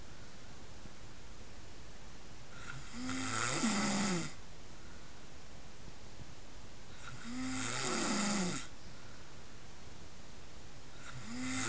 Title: Snoring pig